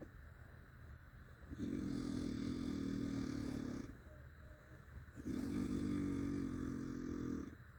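Long, loud, buzzing snores on each breath in, harsh and engine-like, separated by quieter breaths out.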